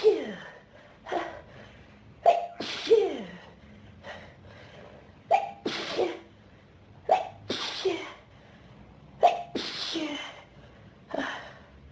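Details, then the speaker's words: About eight forceful sneezes in quick succession, each with a sharp inward gasp, from a person with pollen and dust allergies since about age 14, triggered by a dusty room, nose burning; sneezing fit. "Oh, good God. My nose is on fire. I just can't sneeze all the dust out of it. I keep needing more and more sneezes."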